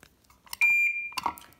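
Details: Half-second steady high-pitched activation tone of a Surtron LED bipolar diathermy unit, triggered by foot switch; set-up demonstration, unit testing fine.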